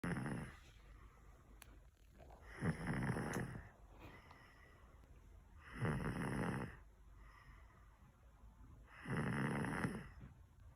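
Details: Snoring during nap time: low rumbling snores on each breath in, about 19 a minute, with quiet pauses between; ordinary sleep snoring.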